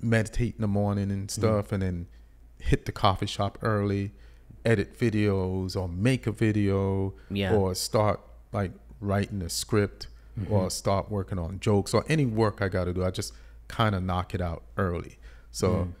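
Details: Adult man; normal speech.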